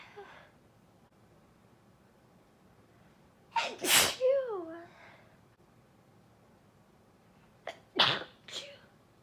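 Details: Two loud sneezes, each a sharp explosive burst followed by a brief voiced trailing sound, in a quiet room; sneezing.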